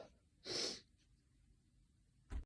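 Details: Induced sneeze from a male whose nose is sensitive after cold weather; a single sharp, hissing burst of air, then quiet and a brief snort at the end; one sneeze.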